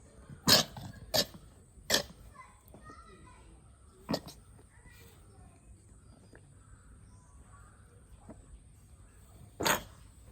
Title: Goat suffering fever and cough